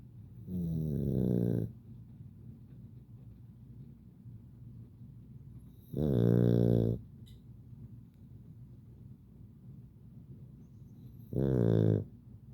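Three drawn-out buzzing snores spaced about five seconds apart, with quiet breathing between, from a sleeping small dog.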